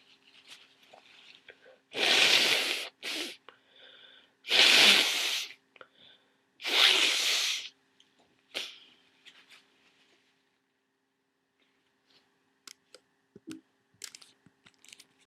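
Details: Sneezing: three loud, explosive sneezes in close succession, each a sharp airy burst, then quiet sniffing and faint rustling, from a person near the end of a cold with lots of thick nasal congestion.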